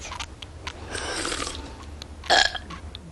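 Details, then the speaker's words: Cartoon burping contest between kids: a drawn-out, rumbling burp followed by a louder short burp. "We're having a burp contest, Mom. Well, knock it off. I do not allow burping in this house."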